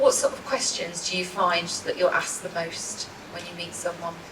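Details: Adult woman speaking; typical speech.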